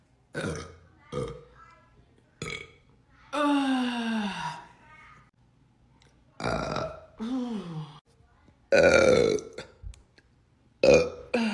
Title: Beautiful Girl BURP COMPILATION